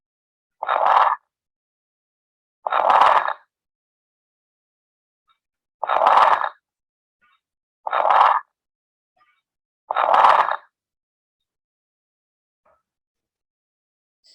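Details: Loud, wet bubbling bursts in both inspiration and expiration, like soapy water gurgling, not fixed: coarse crackles (coarse bubbling rales, moist rales) on lung auscultation.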